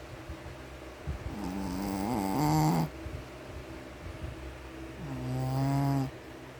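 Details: Two drawn-out, buzzing breaths with a whistling, tonal edge, separated by quiet pauses in a small room; snoring in a sleeping Shih Tzu dog.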